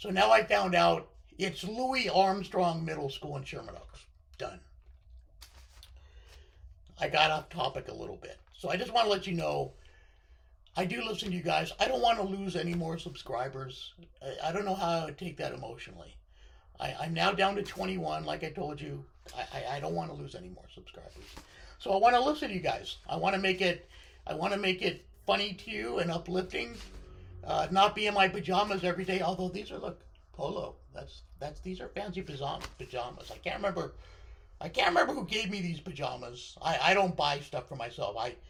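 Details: Unilateral vocal cord paralysis on the left side following surgery in a male speaker, limiting his control of his voice.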